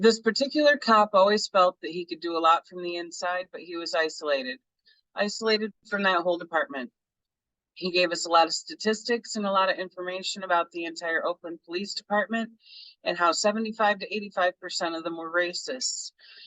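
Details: Adult reading aloud; ordinary speech.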